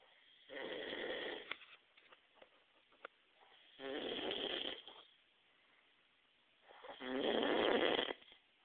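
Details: Man snoring loudly enough to wake someone in the next room: three rough, rattling snores about 3 seconds apart, quiet between them, roughly 18 a minute.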